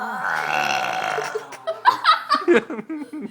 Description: 7 year old kid producing some EPIC belches!